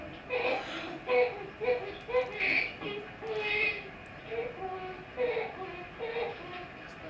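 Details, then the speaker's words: Biphasic, musical, high-pitched stridor with slight hoarseness in a premature infant boy in the nursery with a feeding tube. "yeah this little one is more biphasic exactly and notice it's biphasic musical sounding witch and musical tends to go along with a problem at the level of the vocal cords"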